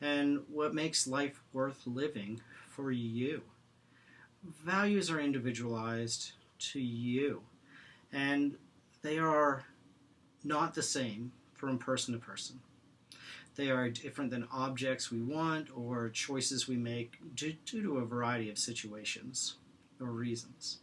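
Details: Stuttering in a man who stutters and practices Acceptance and Commitment Therapy, with pauses and blocks between words.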